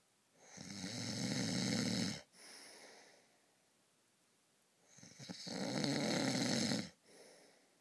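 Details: Heavy sleeper snoring at night: two loud, rough, rattling inhaled snores about four seconds apart, each followed by a short softer exhale; ordinary snoring.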